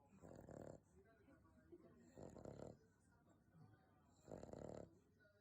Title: いびき 犬 snore dog